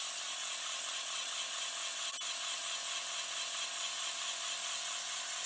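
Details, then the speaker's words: Steady high-pitched whirring hiss of a dental vacuum mixer running for 60 seconds, mixing die stone (20 ml water per 100 g) for a crown-and-bridge model until the gauge reaches full vacuum. "we're going to put the pot into the vacuum machine okay that's fully engaged now ensure it's on turn the timer 60 seconds hold the pot until the gauge"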